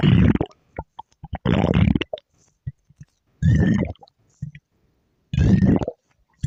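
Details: Akari's stomach growl: four loud, low gurgling rumbles with small pops between them; ordinary borborygmi from gas and fluid moving through the gut.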